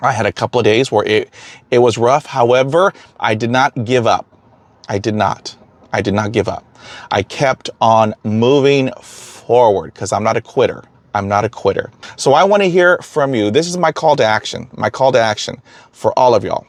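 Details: Stuttering in an adult man who stutters and says he can get hung up on words, with repeated phrases.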